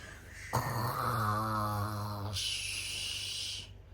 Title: Is Snoring?😂😅